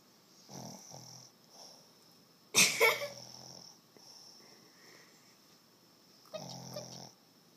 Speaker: He's snoring.